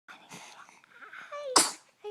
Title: Week6. Sneeze